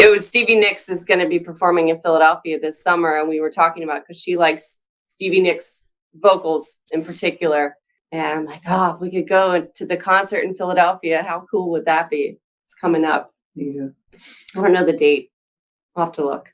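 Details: Adult speaker in conversation; normal conversational speech.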